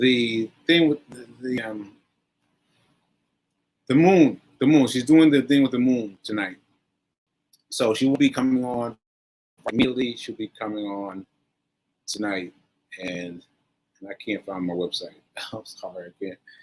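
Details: Aphasia in a man recovering from a stroke on 7/14/22, recorded nearly a year later (7/4/23); he says aphasia still makes working out numbers difficult.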